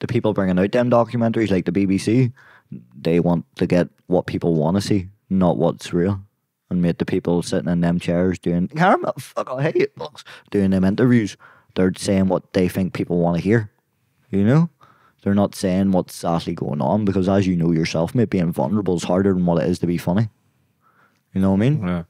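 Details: Young adult man with Tourette syndrome; tics began at 16 as a shoulder tic, spread across his body, then vocal tics followed; worsen with stress and cameras. Involuntary vocal tics of random words and swearing interrupting speech.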